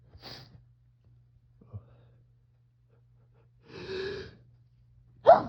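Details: Quiet room, a drawn-in breath, then a sharp sneeze burst from an adult who woke up with fall allergy sneezing fits and suspects ragweed or mold from dead leaves; sneezing (allergic rhinitis).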